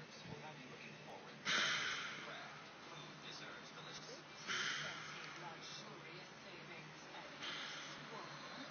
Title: Wife snoring